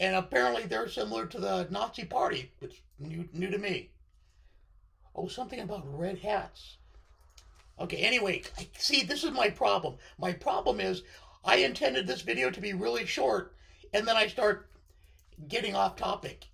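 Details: Adult man with left-sided vocal cord paralysis following surgery, which limits his voice control.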